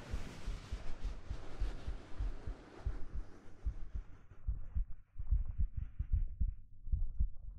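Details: ASMR recording, simulated close hug: soft, deep, muffled heartbeat thumps at about 74 a minute with faint fabric rustle; an ordinary resting heartbeat.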